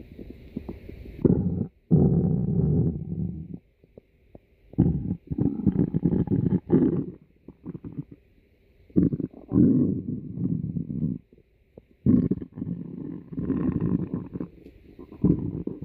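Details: Long, loud, low rumbling and gurgling bursts separated by quiet gaps from Lupi's stomach; stomach growling (borborygmi).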